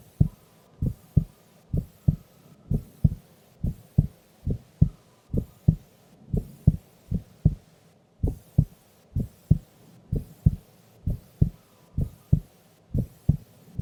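Steady paired lub-dub beats, about 62 a minute, with no extra sounds: a normal resting heartbeat.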